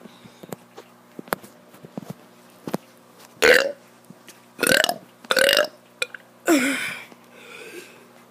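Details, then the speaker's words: Child burping voluntarily: four loud, croaky voiced burps in a row, the last one drawn out, with small clicks and quiet room noise between them. "ladies and gentlemen youtube what is up today i'm gonna be doing kid doing burps uh 27 or 28."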